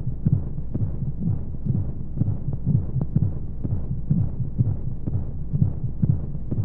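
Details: Simulated womb sound for baby sleep aid: steady low paired heartbeat thumps at roughly 60–65 a minute over whooshing womb-like hum and white noise; heartbeat.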